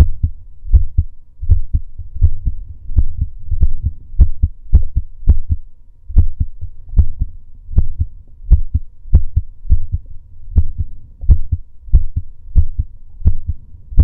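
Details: Male heartbeat recorded during breath holding: strong low thumping at roughly 80 beats a minute with some variation in spacing; normal heartbeat, no abnormality heard.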